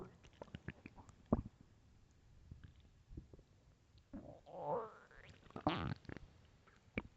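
Quiet gurgles and a longer low groaning rumble over faint background noise; normal stomach growling from hunger.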